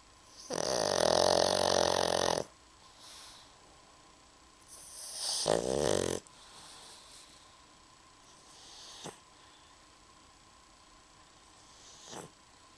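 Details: Two loud, rough, buzzing snores followed by softer snuffling breaths in a quiet room from a pug; snoring.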